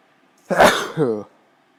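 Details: A single sharp, explosive burst of air with a brief voiced tail; a sneeze.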